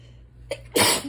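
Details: Person reading aloud during an allergy attack announces a sneeze, then a quick intake of breath and one sharp, explosive sneeze; sneeze.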